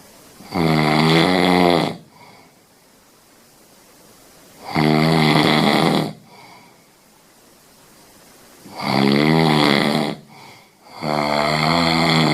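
Loud, buzzing snores recurring about every four seconds, with softer breathing between them.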